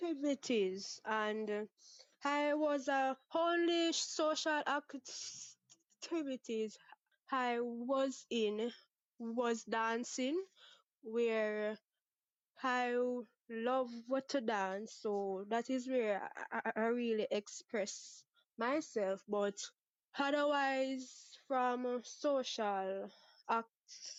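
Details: Stuttering in a 23-year-old woman from Jamaica, present since about age six; father and sister also stutter; never had speech therapy; part-word and whole-word repetitions audible.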